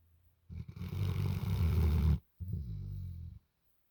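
Low, rumbling snorts on two breaths, one long and one shorter; a sleeping dog snoring.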